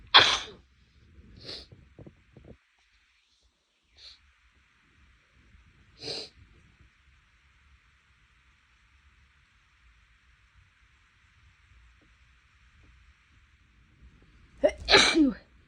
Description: my nose has been bothering me recently and the sneezes are a lot bigger and louder than normal.